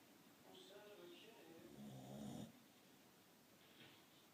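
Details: Boxer dog sleeping, snoring like a human: a single long, rough, throaty snore on breathing in, building in loudness, followed by quiet breathing.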